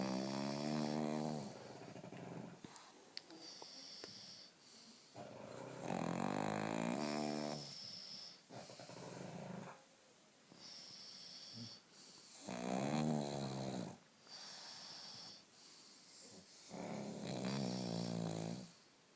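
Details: Pug asleep with eyes open: loud, drawn-out snoring on each breath with rough snorts between, uneven timing, about five snores in twenty seconds.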